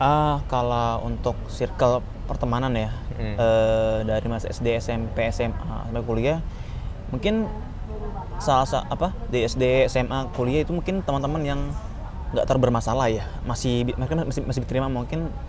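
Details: Stuttering in an adult Indonesian man, aware of his stutter since about age 12, who had speech therapy before university and now works on speaking more slowly; speaking Indonesian.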